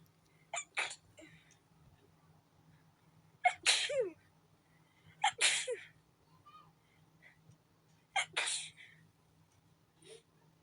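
Four sharp sneezes in quick succession, each with a brief catch of breath before it; a repeated sneezing fit.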